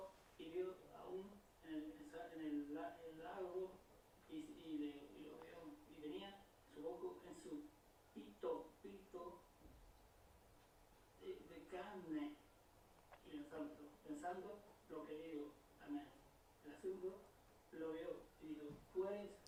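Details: Spanish-speaking male patient with Broca's aphasia recorded at home retelling a story; frequent pauses to search for words, then incorrect word substitutions; Broca's aphasia with word-finding difficulty.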